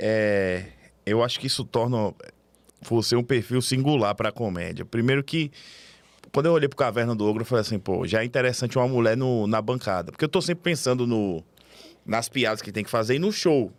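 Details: Adult male speaker; normal voice.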